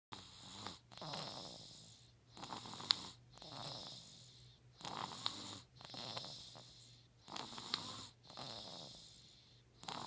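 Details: 4-month-old snoring: regular rasping snores with a noisy inhale and softer exhale, about 12 breaths a minute; ordinary snoring.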